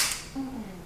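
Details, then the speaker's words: Chiropractic activator instrument demonstrated before pelvic adjustment of a low back pain patient with one leg shorter, 2006 car accident history: single sharp spring-loaded click, faint room noise after. "all right so this is an activator it sounds like this"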